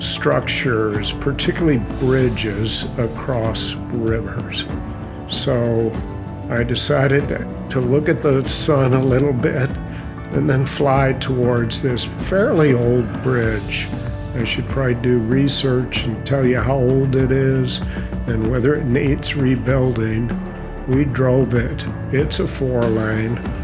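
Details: Adult male narrator who says he has a mild essential tremor that causes an audible voice tremor; essential voice tremor.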